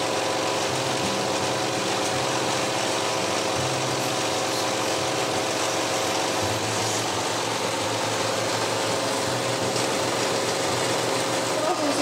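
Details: Steady motor drone with a constant hum as a suction machine is switched on and running before airway suctioning, in a nursing skills demonstration.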